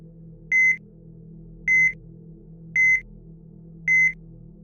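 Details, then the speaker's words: Steady high-pitched beeps, about 54 a minute, over a low hum: a heart monitor sound effect in a fictional story reading, representing a hospitalized patient's regular heartbeat. "The room was quiet, say for the steady beep of the heart monitor that had become a lullabi to the unchanging rhythm of life and stillness."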